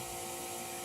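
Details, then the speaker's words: Wall suction in a simulation lab, switched on and building pressure before tracheostomy suctioning of a mannequin: a loud, continuous hissing, whirring roar; suction machine running. "So for the demonstration, I'm going to turn all this loud noise off, and we'll demo how to suction a trach."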